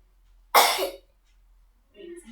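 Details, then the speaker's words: Voluntary cough in a young patient during nurse-guided deep-breathing and effective-cough exercise: breathe in through the nose, hold 3 seconds, then cough. One strong, deliberate cough burst to clear sputum, followed by brief speech. "Kakak bapak adik tarik nafas, batukkan. Lagi tarik nafas, batukkan. Lagi tarik nafas, batukkan."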